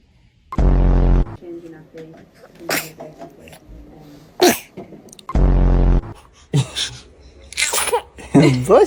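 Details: Baby sneezing: small sudden sneeze-like bursts amid adult voices and a loud music sting; ordinary infant sneezes.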